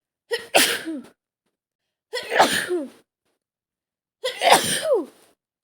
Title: Scenario: Caught cold from the A/C! (F) | sneezing | nose blowing